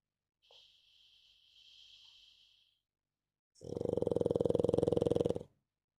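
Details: Snoring from a sleeping pug: a soft, hissing breath followed by a loud, fluttering, buzzy snore lasting about two seconds.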